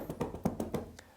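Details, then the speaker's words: Manual chest percussion demonstration over the ribs, starting at the lower ribs and moving up the thorax, to shake the rib cage and loosen airway secretions; rhythmic hollow hand claps, about five per second. "ssion that you do is going to shake the rib cage and therefore also provide some movement and uh shaking to the Airways as well which can help to loosen the secretion"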